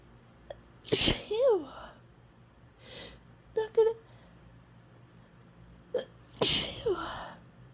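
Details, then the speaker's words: Female with a stuffy, intensely tickling nose trying to hold back sneezes; two forceful sneezes, each preceded by a short gasp, with brief voiced sounds between; sneezing. "to God this tickles really intensely I'm not going to sneeze I'm not going to sneeze don't sneeze"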